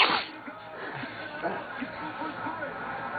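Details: A sharp, explosive sneeze burst from an adult man during a sneezing attack, possibly allergy-related, then quiet room noise with faint background voices: sneeze.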